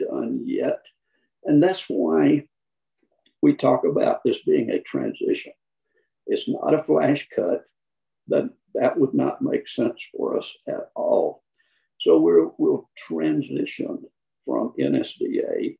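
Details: Adult man with spasmodic dysphonia, who counts himself among people with SD; the finding is spasmodic dysphonia.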